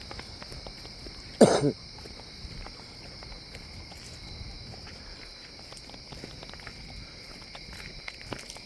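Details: Adult coughs outdoors on a walk with his dog, the cough attributed to smoke from burning wood in woodstoves: a single short cough in two quick bursts, with footsteps and insect buzz.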